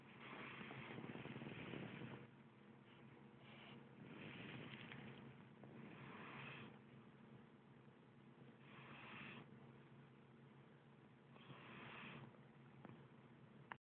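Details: Someone who fell asleep while watching TV snores very loudly: snoring.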